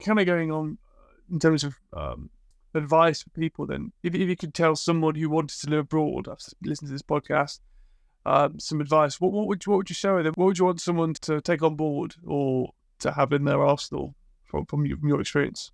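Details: Adult male speaker; typical speech.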